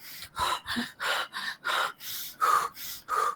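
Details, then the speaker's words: Rapid, forceful, audible breathing at about 90 breaths a minute, deliberately demonstrated by a psychopathology lecturer to illustrate hyperventilation as seen in panic attacks. "Pero ¿qué pasa cuando está uno hiperventilando? Hiperventilando es esta respiración."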